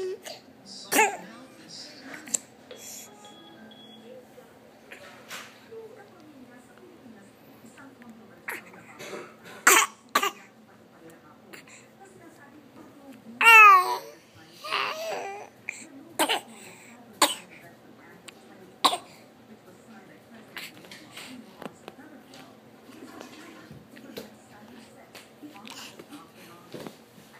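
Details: A 7-month-old baby gives several brief, sharp coughs spread across the clip over a low steady hum; infant cough.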